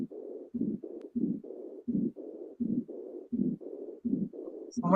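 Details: 3-year-old child, auscultation over the base of the heart: regular heart sounds near 80 a minute with a continuous machinery murmur filling the gaps, fitting a patent ductus arteriosus.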